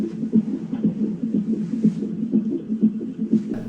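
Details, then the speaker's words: Fetal heartbeat recorded through the mother's womb: rapid, regular whooshing pulses at about 120 a minute. "my brother actually sent me a sound of um who is my niece the sound of uh heartbeat through Kate's womb um beating amazing sound okay heartbeat"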